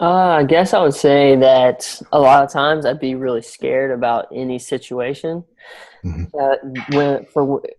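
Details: Young adult male college graduate with a long-standing stammer, now improved through speech coaching using techniques such as extending words and daily audio practice; stuttering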